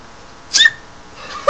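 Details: A single tiny, high-pitched squeaky sneeze, brief and mouse-like, against quiet room noise; sneeze.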